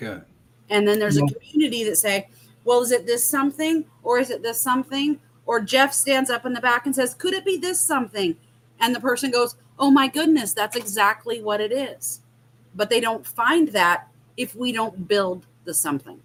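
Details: Adult woman speaking; normal speech.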